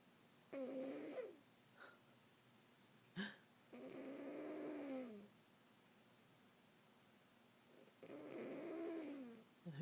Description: See?? Cats DO snore!